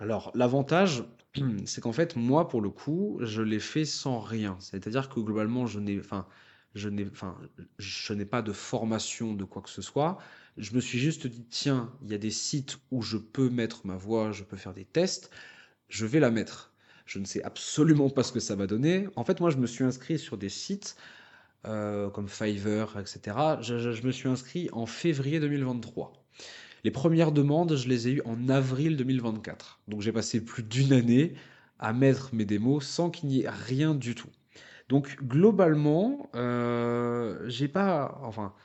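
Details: Person who stutters, speaking French about a public-speaking contest for people who stutter; stuttering with mild repetition such as "la la".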